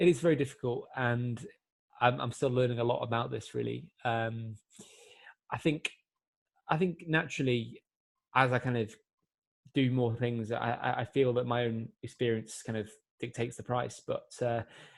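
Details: 24-year-old man who has stammered since he began speaking; more controlled since a breathing-technique course but still has complete blocks; stuttering (stammer).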